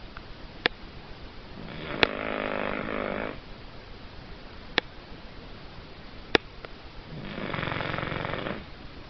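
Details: Cavalier King Charles spaniel ruby puppy asleep after a very busy day: two long, rattling snores about six seconds apart with a few sharp clicks between; snoring.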